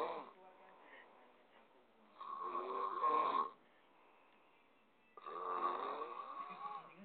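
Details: A friend's habitual snoring, filmed as a bad habit: two rattling snores on in-breaths about three seconds apart, with quiet breathing between; ordinary snoring.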